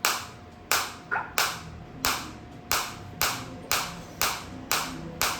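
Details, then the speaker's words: Biotronix SW7 focused (not radial) shockwave therapy device firing on the demonstrator's own body at intensity raised from 8 to about 10, felt deep: sharp snapping pulses in a steady but uneven series, about 90 a minute. "अब मेरे को काफी अच्छी intensity आ रही है। मेरे को बहुत अंदर तक फील हो रही है शॉर्ट वेव आती हुई।"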